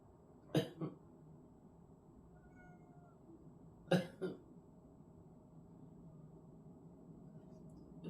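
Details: Two short coughing fits from an ill adult, each a pair of sharp bursts, against quiet room noise; cat stays nearby during coughing: cough.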